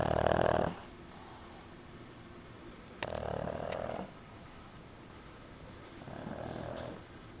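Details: Pug snoring while asleep: three loud nasal snoring breaths a few seconds apart, with quiet pauses between.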